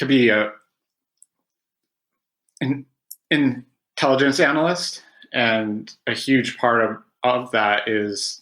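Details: Adult male who has stuttered since about age five, after about 20 years of speech therapy; stuttering.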